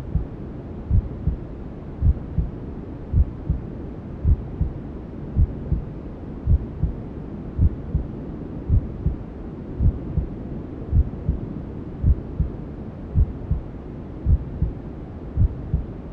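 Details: Simulated newborn sleep-aid ASMR: steady, regular low thumps at about 54 a minute under a constant white-noise hiss, imitating a mother's heartbeat and womb sounds as heard by the fetus; maternal heartbeat.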